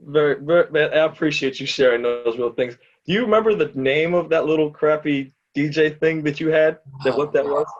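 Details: Adult man speaking; ordinary speech.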